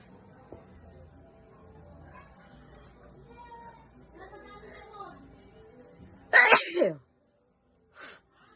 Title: Wide Nose Allergy Sneezes Philippines.